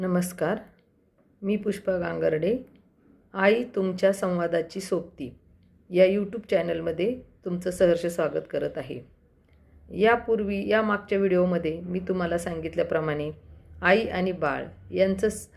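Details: Adult woman speaking; typical speech.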